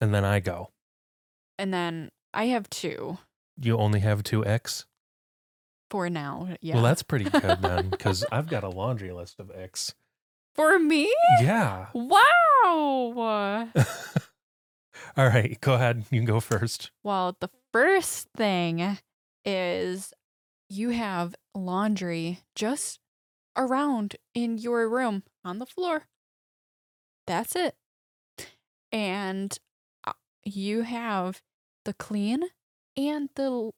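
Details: Aphasia in a young woman after a stroke at age 14, 11 years earlier, with right hemiparesis, vision impairment and 8 head surgeries; speaking in podcast conversation.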